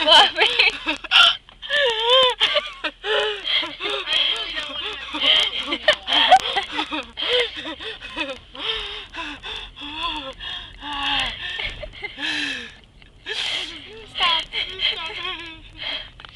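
Frequent high-pitched gasping catches, about one per second and irregular, mixed with squealing laughter; fits hiccup-like gasps.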